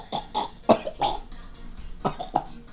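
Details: About six short, dry-sounding cough bursts in two runs with light room noise, demonstrated in a doctor's explanation of cough types and their causes; cough.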